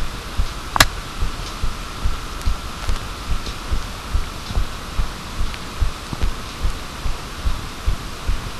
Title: Heartbeat again